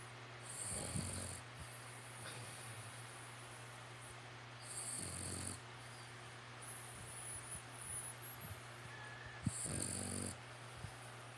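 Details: Snoring contest between a louder human snorer and a female pet snoring at the end; it is unclear which one this is. Soft rhythmic snoring, three snores every 4–5 seconds, over a steady low hum and hiss.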